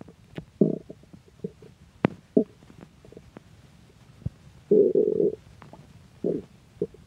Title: Stomach Growling